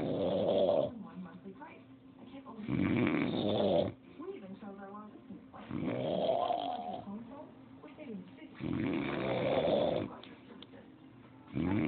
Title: Dad snoring